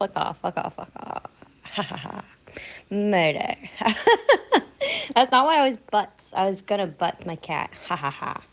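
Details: Adult woman with Tourette syndrome, about 80 to 90% of her tics vocal including coprolalia; being recorded triggers strings of tics; vocal tics with coprolalia (Tourette syndrome).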